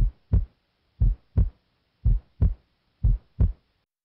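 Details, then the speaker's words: Normal S2, from closure of the semilunar valves, heard loudest at the base with the stethoscope diaphragm: regular lub-dub near 58 a minute with a crisp second sound. "s2 is caused by closure of the semilunar valves its loudest at the base where it normally sounds like this"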